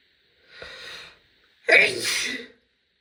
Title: loud female sneeze (F)